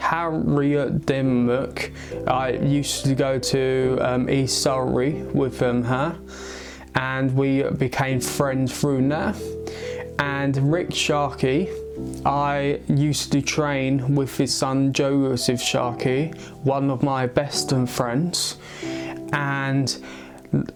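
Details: Adult male aged 22 with a stammer; stuttering.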